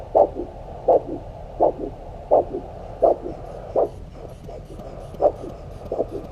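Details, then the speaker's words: Handheld Doppler probe over the posterior tibial artery at the ankle during an ankle-brachial index test: regular whooshing pulses at about 80–83 per minute, matching the patient's pulse, a normal arterial signal. "g for a characteristic sound that sounds like a regular pattern of whooshing. And the rate of the whooshing should be equal to the patient's pulse rate, which I know is anywhere between 80 and 82 approximately."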